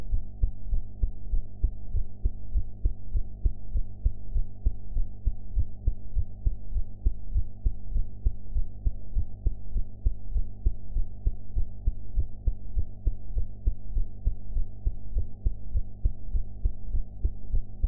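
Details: Person's own heart sounds recorded after eating, sound quality enhanced: steady, regular low heartbeat thumps at about 100 beats per minute over a low background hum.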